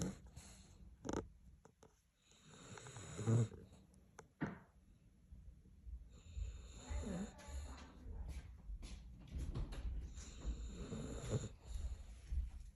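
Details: Deep, rumbling snorts and irregular snores from a very loudly snoring sleeping dog in a small room; snoring.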